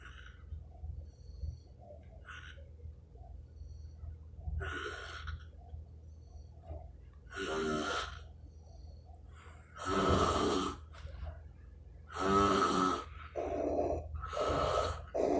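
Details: Adult stepfather asleep, recorded at 1am: loud, rough, rattling snores on the in-breaths, coming irregularly against a low room hum; heavy snoring.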